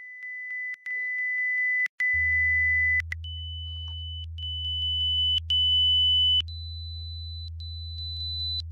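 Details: Online hearing screening test: pure steady beeping tones stepping up in pitch across the clip, with a low steady hum underneath; hearing test tones.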